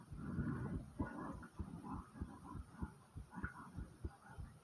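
Fast, steady heart thumps at about 100 beats a minute, with soft stomach gurgling in the background.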